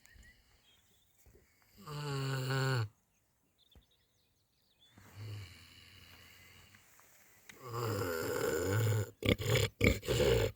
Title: Winston and Boris snoring happily on a warm spring evening @RheanbreckCroft